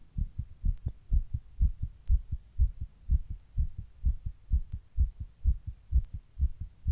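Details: Own heart recorded while sitting in 100-degree heat during a heatwave: regular, soft, thudding lub-dub at about 125 beats a minute, a fast heart rate (tachycardia).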